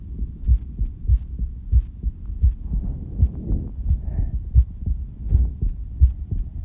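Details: A heartbeat recorded during breath-holding, with a visible pulse in the stomach: steady, deep, regular thumps at about 85 beats a minute with a faint low hum underneath; a normal adult heartbeat.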